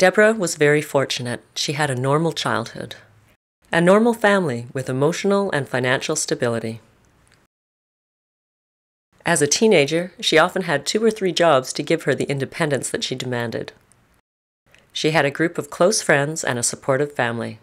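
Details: Adult narrator; normal speech.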